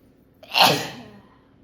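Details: A short intake followed by one sharp, explosive sneeze that fades quickly, in a sneezing and nose-blowing challenge video.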